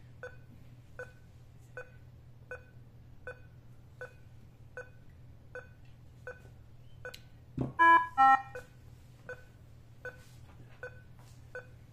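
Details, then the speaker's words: ECG heart rate beeps from a Nihon Kohden TEC-5631 defibrillator monitor connected to a test analyzer/simulator, showing a clean, noise-free trace with a rate of about 70 to 80 a minute. "yan Wala siyang noise na nakikita dinisplay so 80 yan 70 na yung narre niya pero mag-8 naman yan mamaya"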